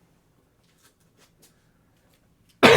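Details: Near-silence with faint rustles and clicks, then a single loud, harsh adult cough at the very end, from a person with a mostly lost voice who reports having had a really bad cough.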